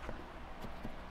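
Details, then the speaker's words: Healthy volunteer doctor acting as patient, supine then turned to the side, percussed from the midline outward: about three soft, dull abdominal taps; dullness stays at the same level, shifting dullness absent, no ascites (normal). "اشوف انه طبعا هنا الحاله السليمه انه الدلنس بنفس المستوى. ليش؟ لانه ماكو سوائل، فبالتالي ما تغيرت الدلنس في هذه، لانه الصوت ظل ثابت نفسه."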